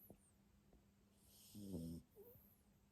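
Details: Sleeping Jack Russell Terrier snoring: a single brief rumbling, fluttering breath sound in a quiet room.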